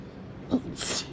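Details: One person's single soft, hissing sneeze after a short intake of breath, in a quiet room on a warm, dry, blustery summer afternoon.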